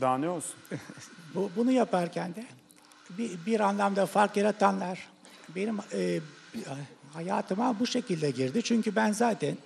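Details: Male physician diagnosed with ALS years earlier, speaking while on a ventilator whose sound is audible, seated in a special chair; speech in ALS with ventilator support.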